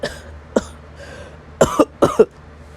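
Light acted coughs, a single cough then two double coughs, in a quiet room; imitation of a cold cough.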